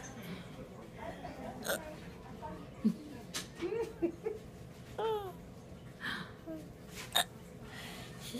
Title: Anesthesia + hiccups = hilarious... just had her tonsils out.. She was too funny